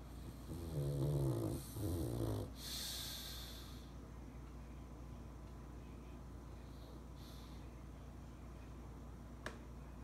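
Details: Pug sleeping in a dog bed taken from a poodle-mix puppy: two low, rumbling snoring breaths, then quieter steady breathing with room hum; snoring.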